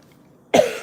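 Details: A 57-year-old grandmother gives a single abrupt cough after a brief quiet stretch while chatting on a livestream.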